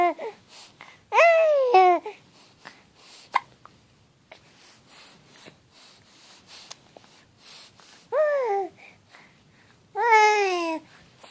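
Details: Infant babbling and squealing in a quiet room, broken by short, sharp, gulping hiccup catches.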